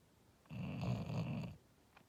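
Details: A sleeping English Bulldog, possibly dreaming: a single rough, rattling snore lasting about a second; snoring.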